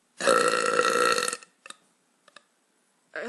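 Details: Adult woman burping: one long, loud, voiced belch lasting over a second, followed by faint clicks and a brief sound; belching.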